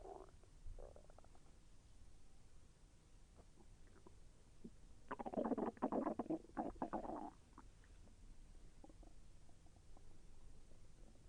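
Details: Bowel sounds during digestion as the intestine moved, slightly painful: quiet background broken by a few seconds of gurgling, bubbling rumbles, stomach growling.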